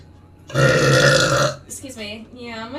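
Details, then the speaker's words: Loud, drawn-out burp lasting about a second, which the speaker calls wet, made during a gaming stream and followed by brief talk; a belch. "okay i got a burp all right okay all yours am i alive am i talking hey that one was wet"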